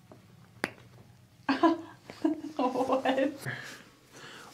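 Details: Joint cavitation during a side-lying chiropractic adjustment, with the patient breathing softly and squeezing a hand between the knees: a single sharp crack followed by speech, a normal audible release.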